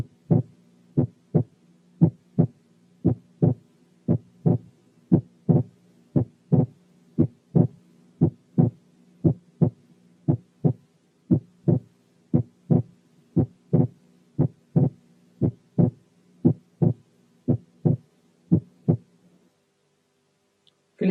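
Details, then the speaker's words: Regular heart sounds at about 58/min with normal physiological splitting of the second heart sound, present only during inspiration. Breath sounds were removed with special sound filters. "في الحالة اللي جاية صوت التنفس احنا شلناه عن طريق ساوند فلترز خاصة، ومسموع النورمال انسبيراتلي سبيتنج بتاع السكند ساوند لوحده."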